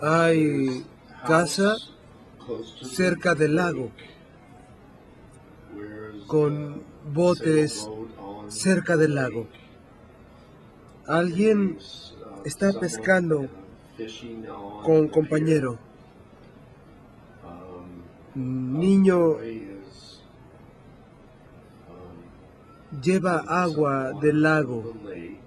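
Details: 57-year-old right-handed man with nonfluent-variant primary progressive aphasia, symptoms beginning 2 years earlier, describing a picture, without evident apraxia of speech; agrammatism (nonfluent primary progressive aphasia).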